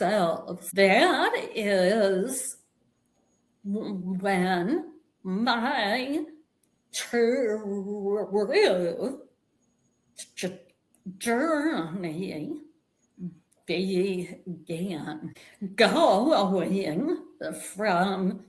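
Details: Vocal tremor in a woman; attributed to over 50 years of narcissistic abuse and trauma that began at age five, and described as manifesting physically in her body and nervous system.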